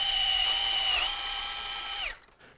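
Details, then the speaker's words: Opening wedge high tibial osteotomy, left knee: steady high-pitched whine for about two seconds, then winding down, as the big drill makes the barrel cuts in the tibia to a hard stop; surgical bone drill. "it's a hard stop to bone and these cancellous fragments can be collected and used as autographed"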